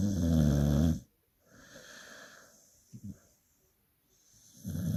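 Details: Dog snoring loudly: loud, deep rattling snores on the breaths, with quieter breathing and a small snort between them.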